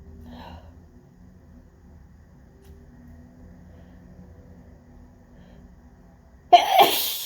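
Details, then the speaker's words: Adult in office during windy pollen season: quiet room hum, then one sudden loud explosive sneeze with trailing hiss, part of an intense, repeated sneezing fit. "I feel like I'm never gonna stop. I don't even know what that was. Okay, that might be done. Just like, oh my God, that was such an intense fit."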